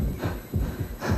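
Deep, paired lub-dub thumps repeat quickly, roughly 100–110 a minute: a fast, regular heartbeat, the normal quickening of the heart during exercise.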